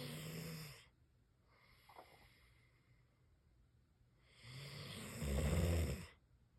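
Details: Snoring peacefully while sleeping; the snoring is not loud and sounds calm and soothing.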